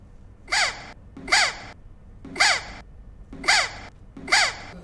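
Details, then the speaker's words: Shrill whistle tones with each breath, about one a second, from a boy whose endoscopy showed a swallowed whistle lodged in the lungs; doctors removed it by bronchoscopy after two hours. "ఎండోస్కోపీలో బాలుడు whistle మింగేసాడని తేలింది. అది నేరుగా వెళ్లి ఊపిరితిత్తుల్లో ఇరుక్కుపోయింది."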